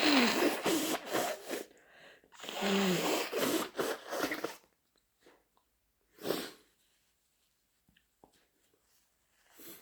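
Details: Sneezes with snotty nose blowing: loud noisy bursts in two clusters with wet nose-blowing sounds, then a single sharp sneeze-like burst after a quiet gap.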